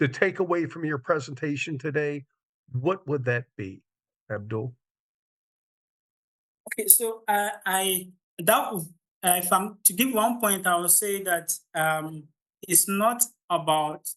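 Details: Stuttering (stammering) in an adult man from Ghana during public speaking; he reports the start of his presentations is usually the most difficult, improving once he gains momentum.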